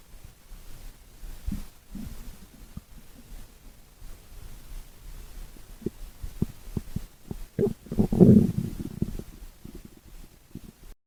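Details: Stomach growling (borborygmi): low gurgles and irregular pops building to a longer rumbling growl, normal bowel sounds.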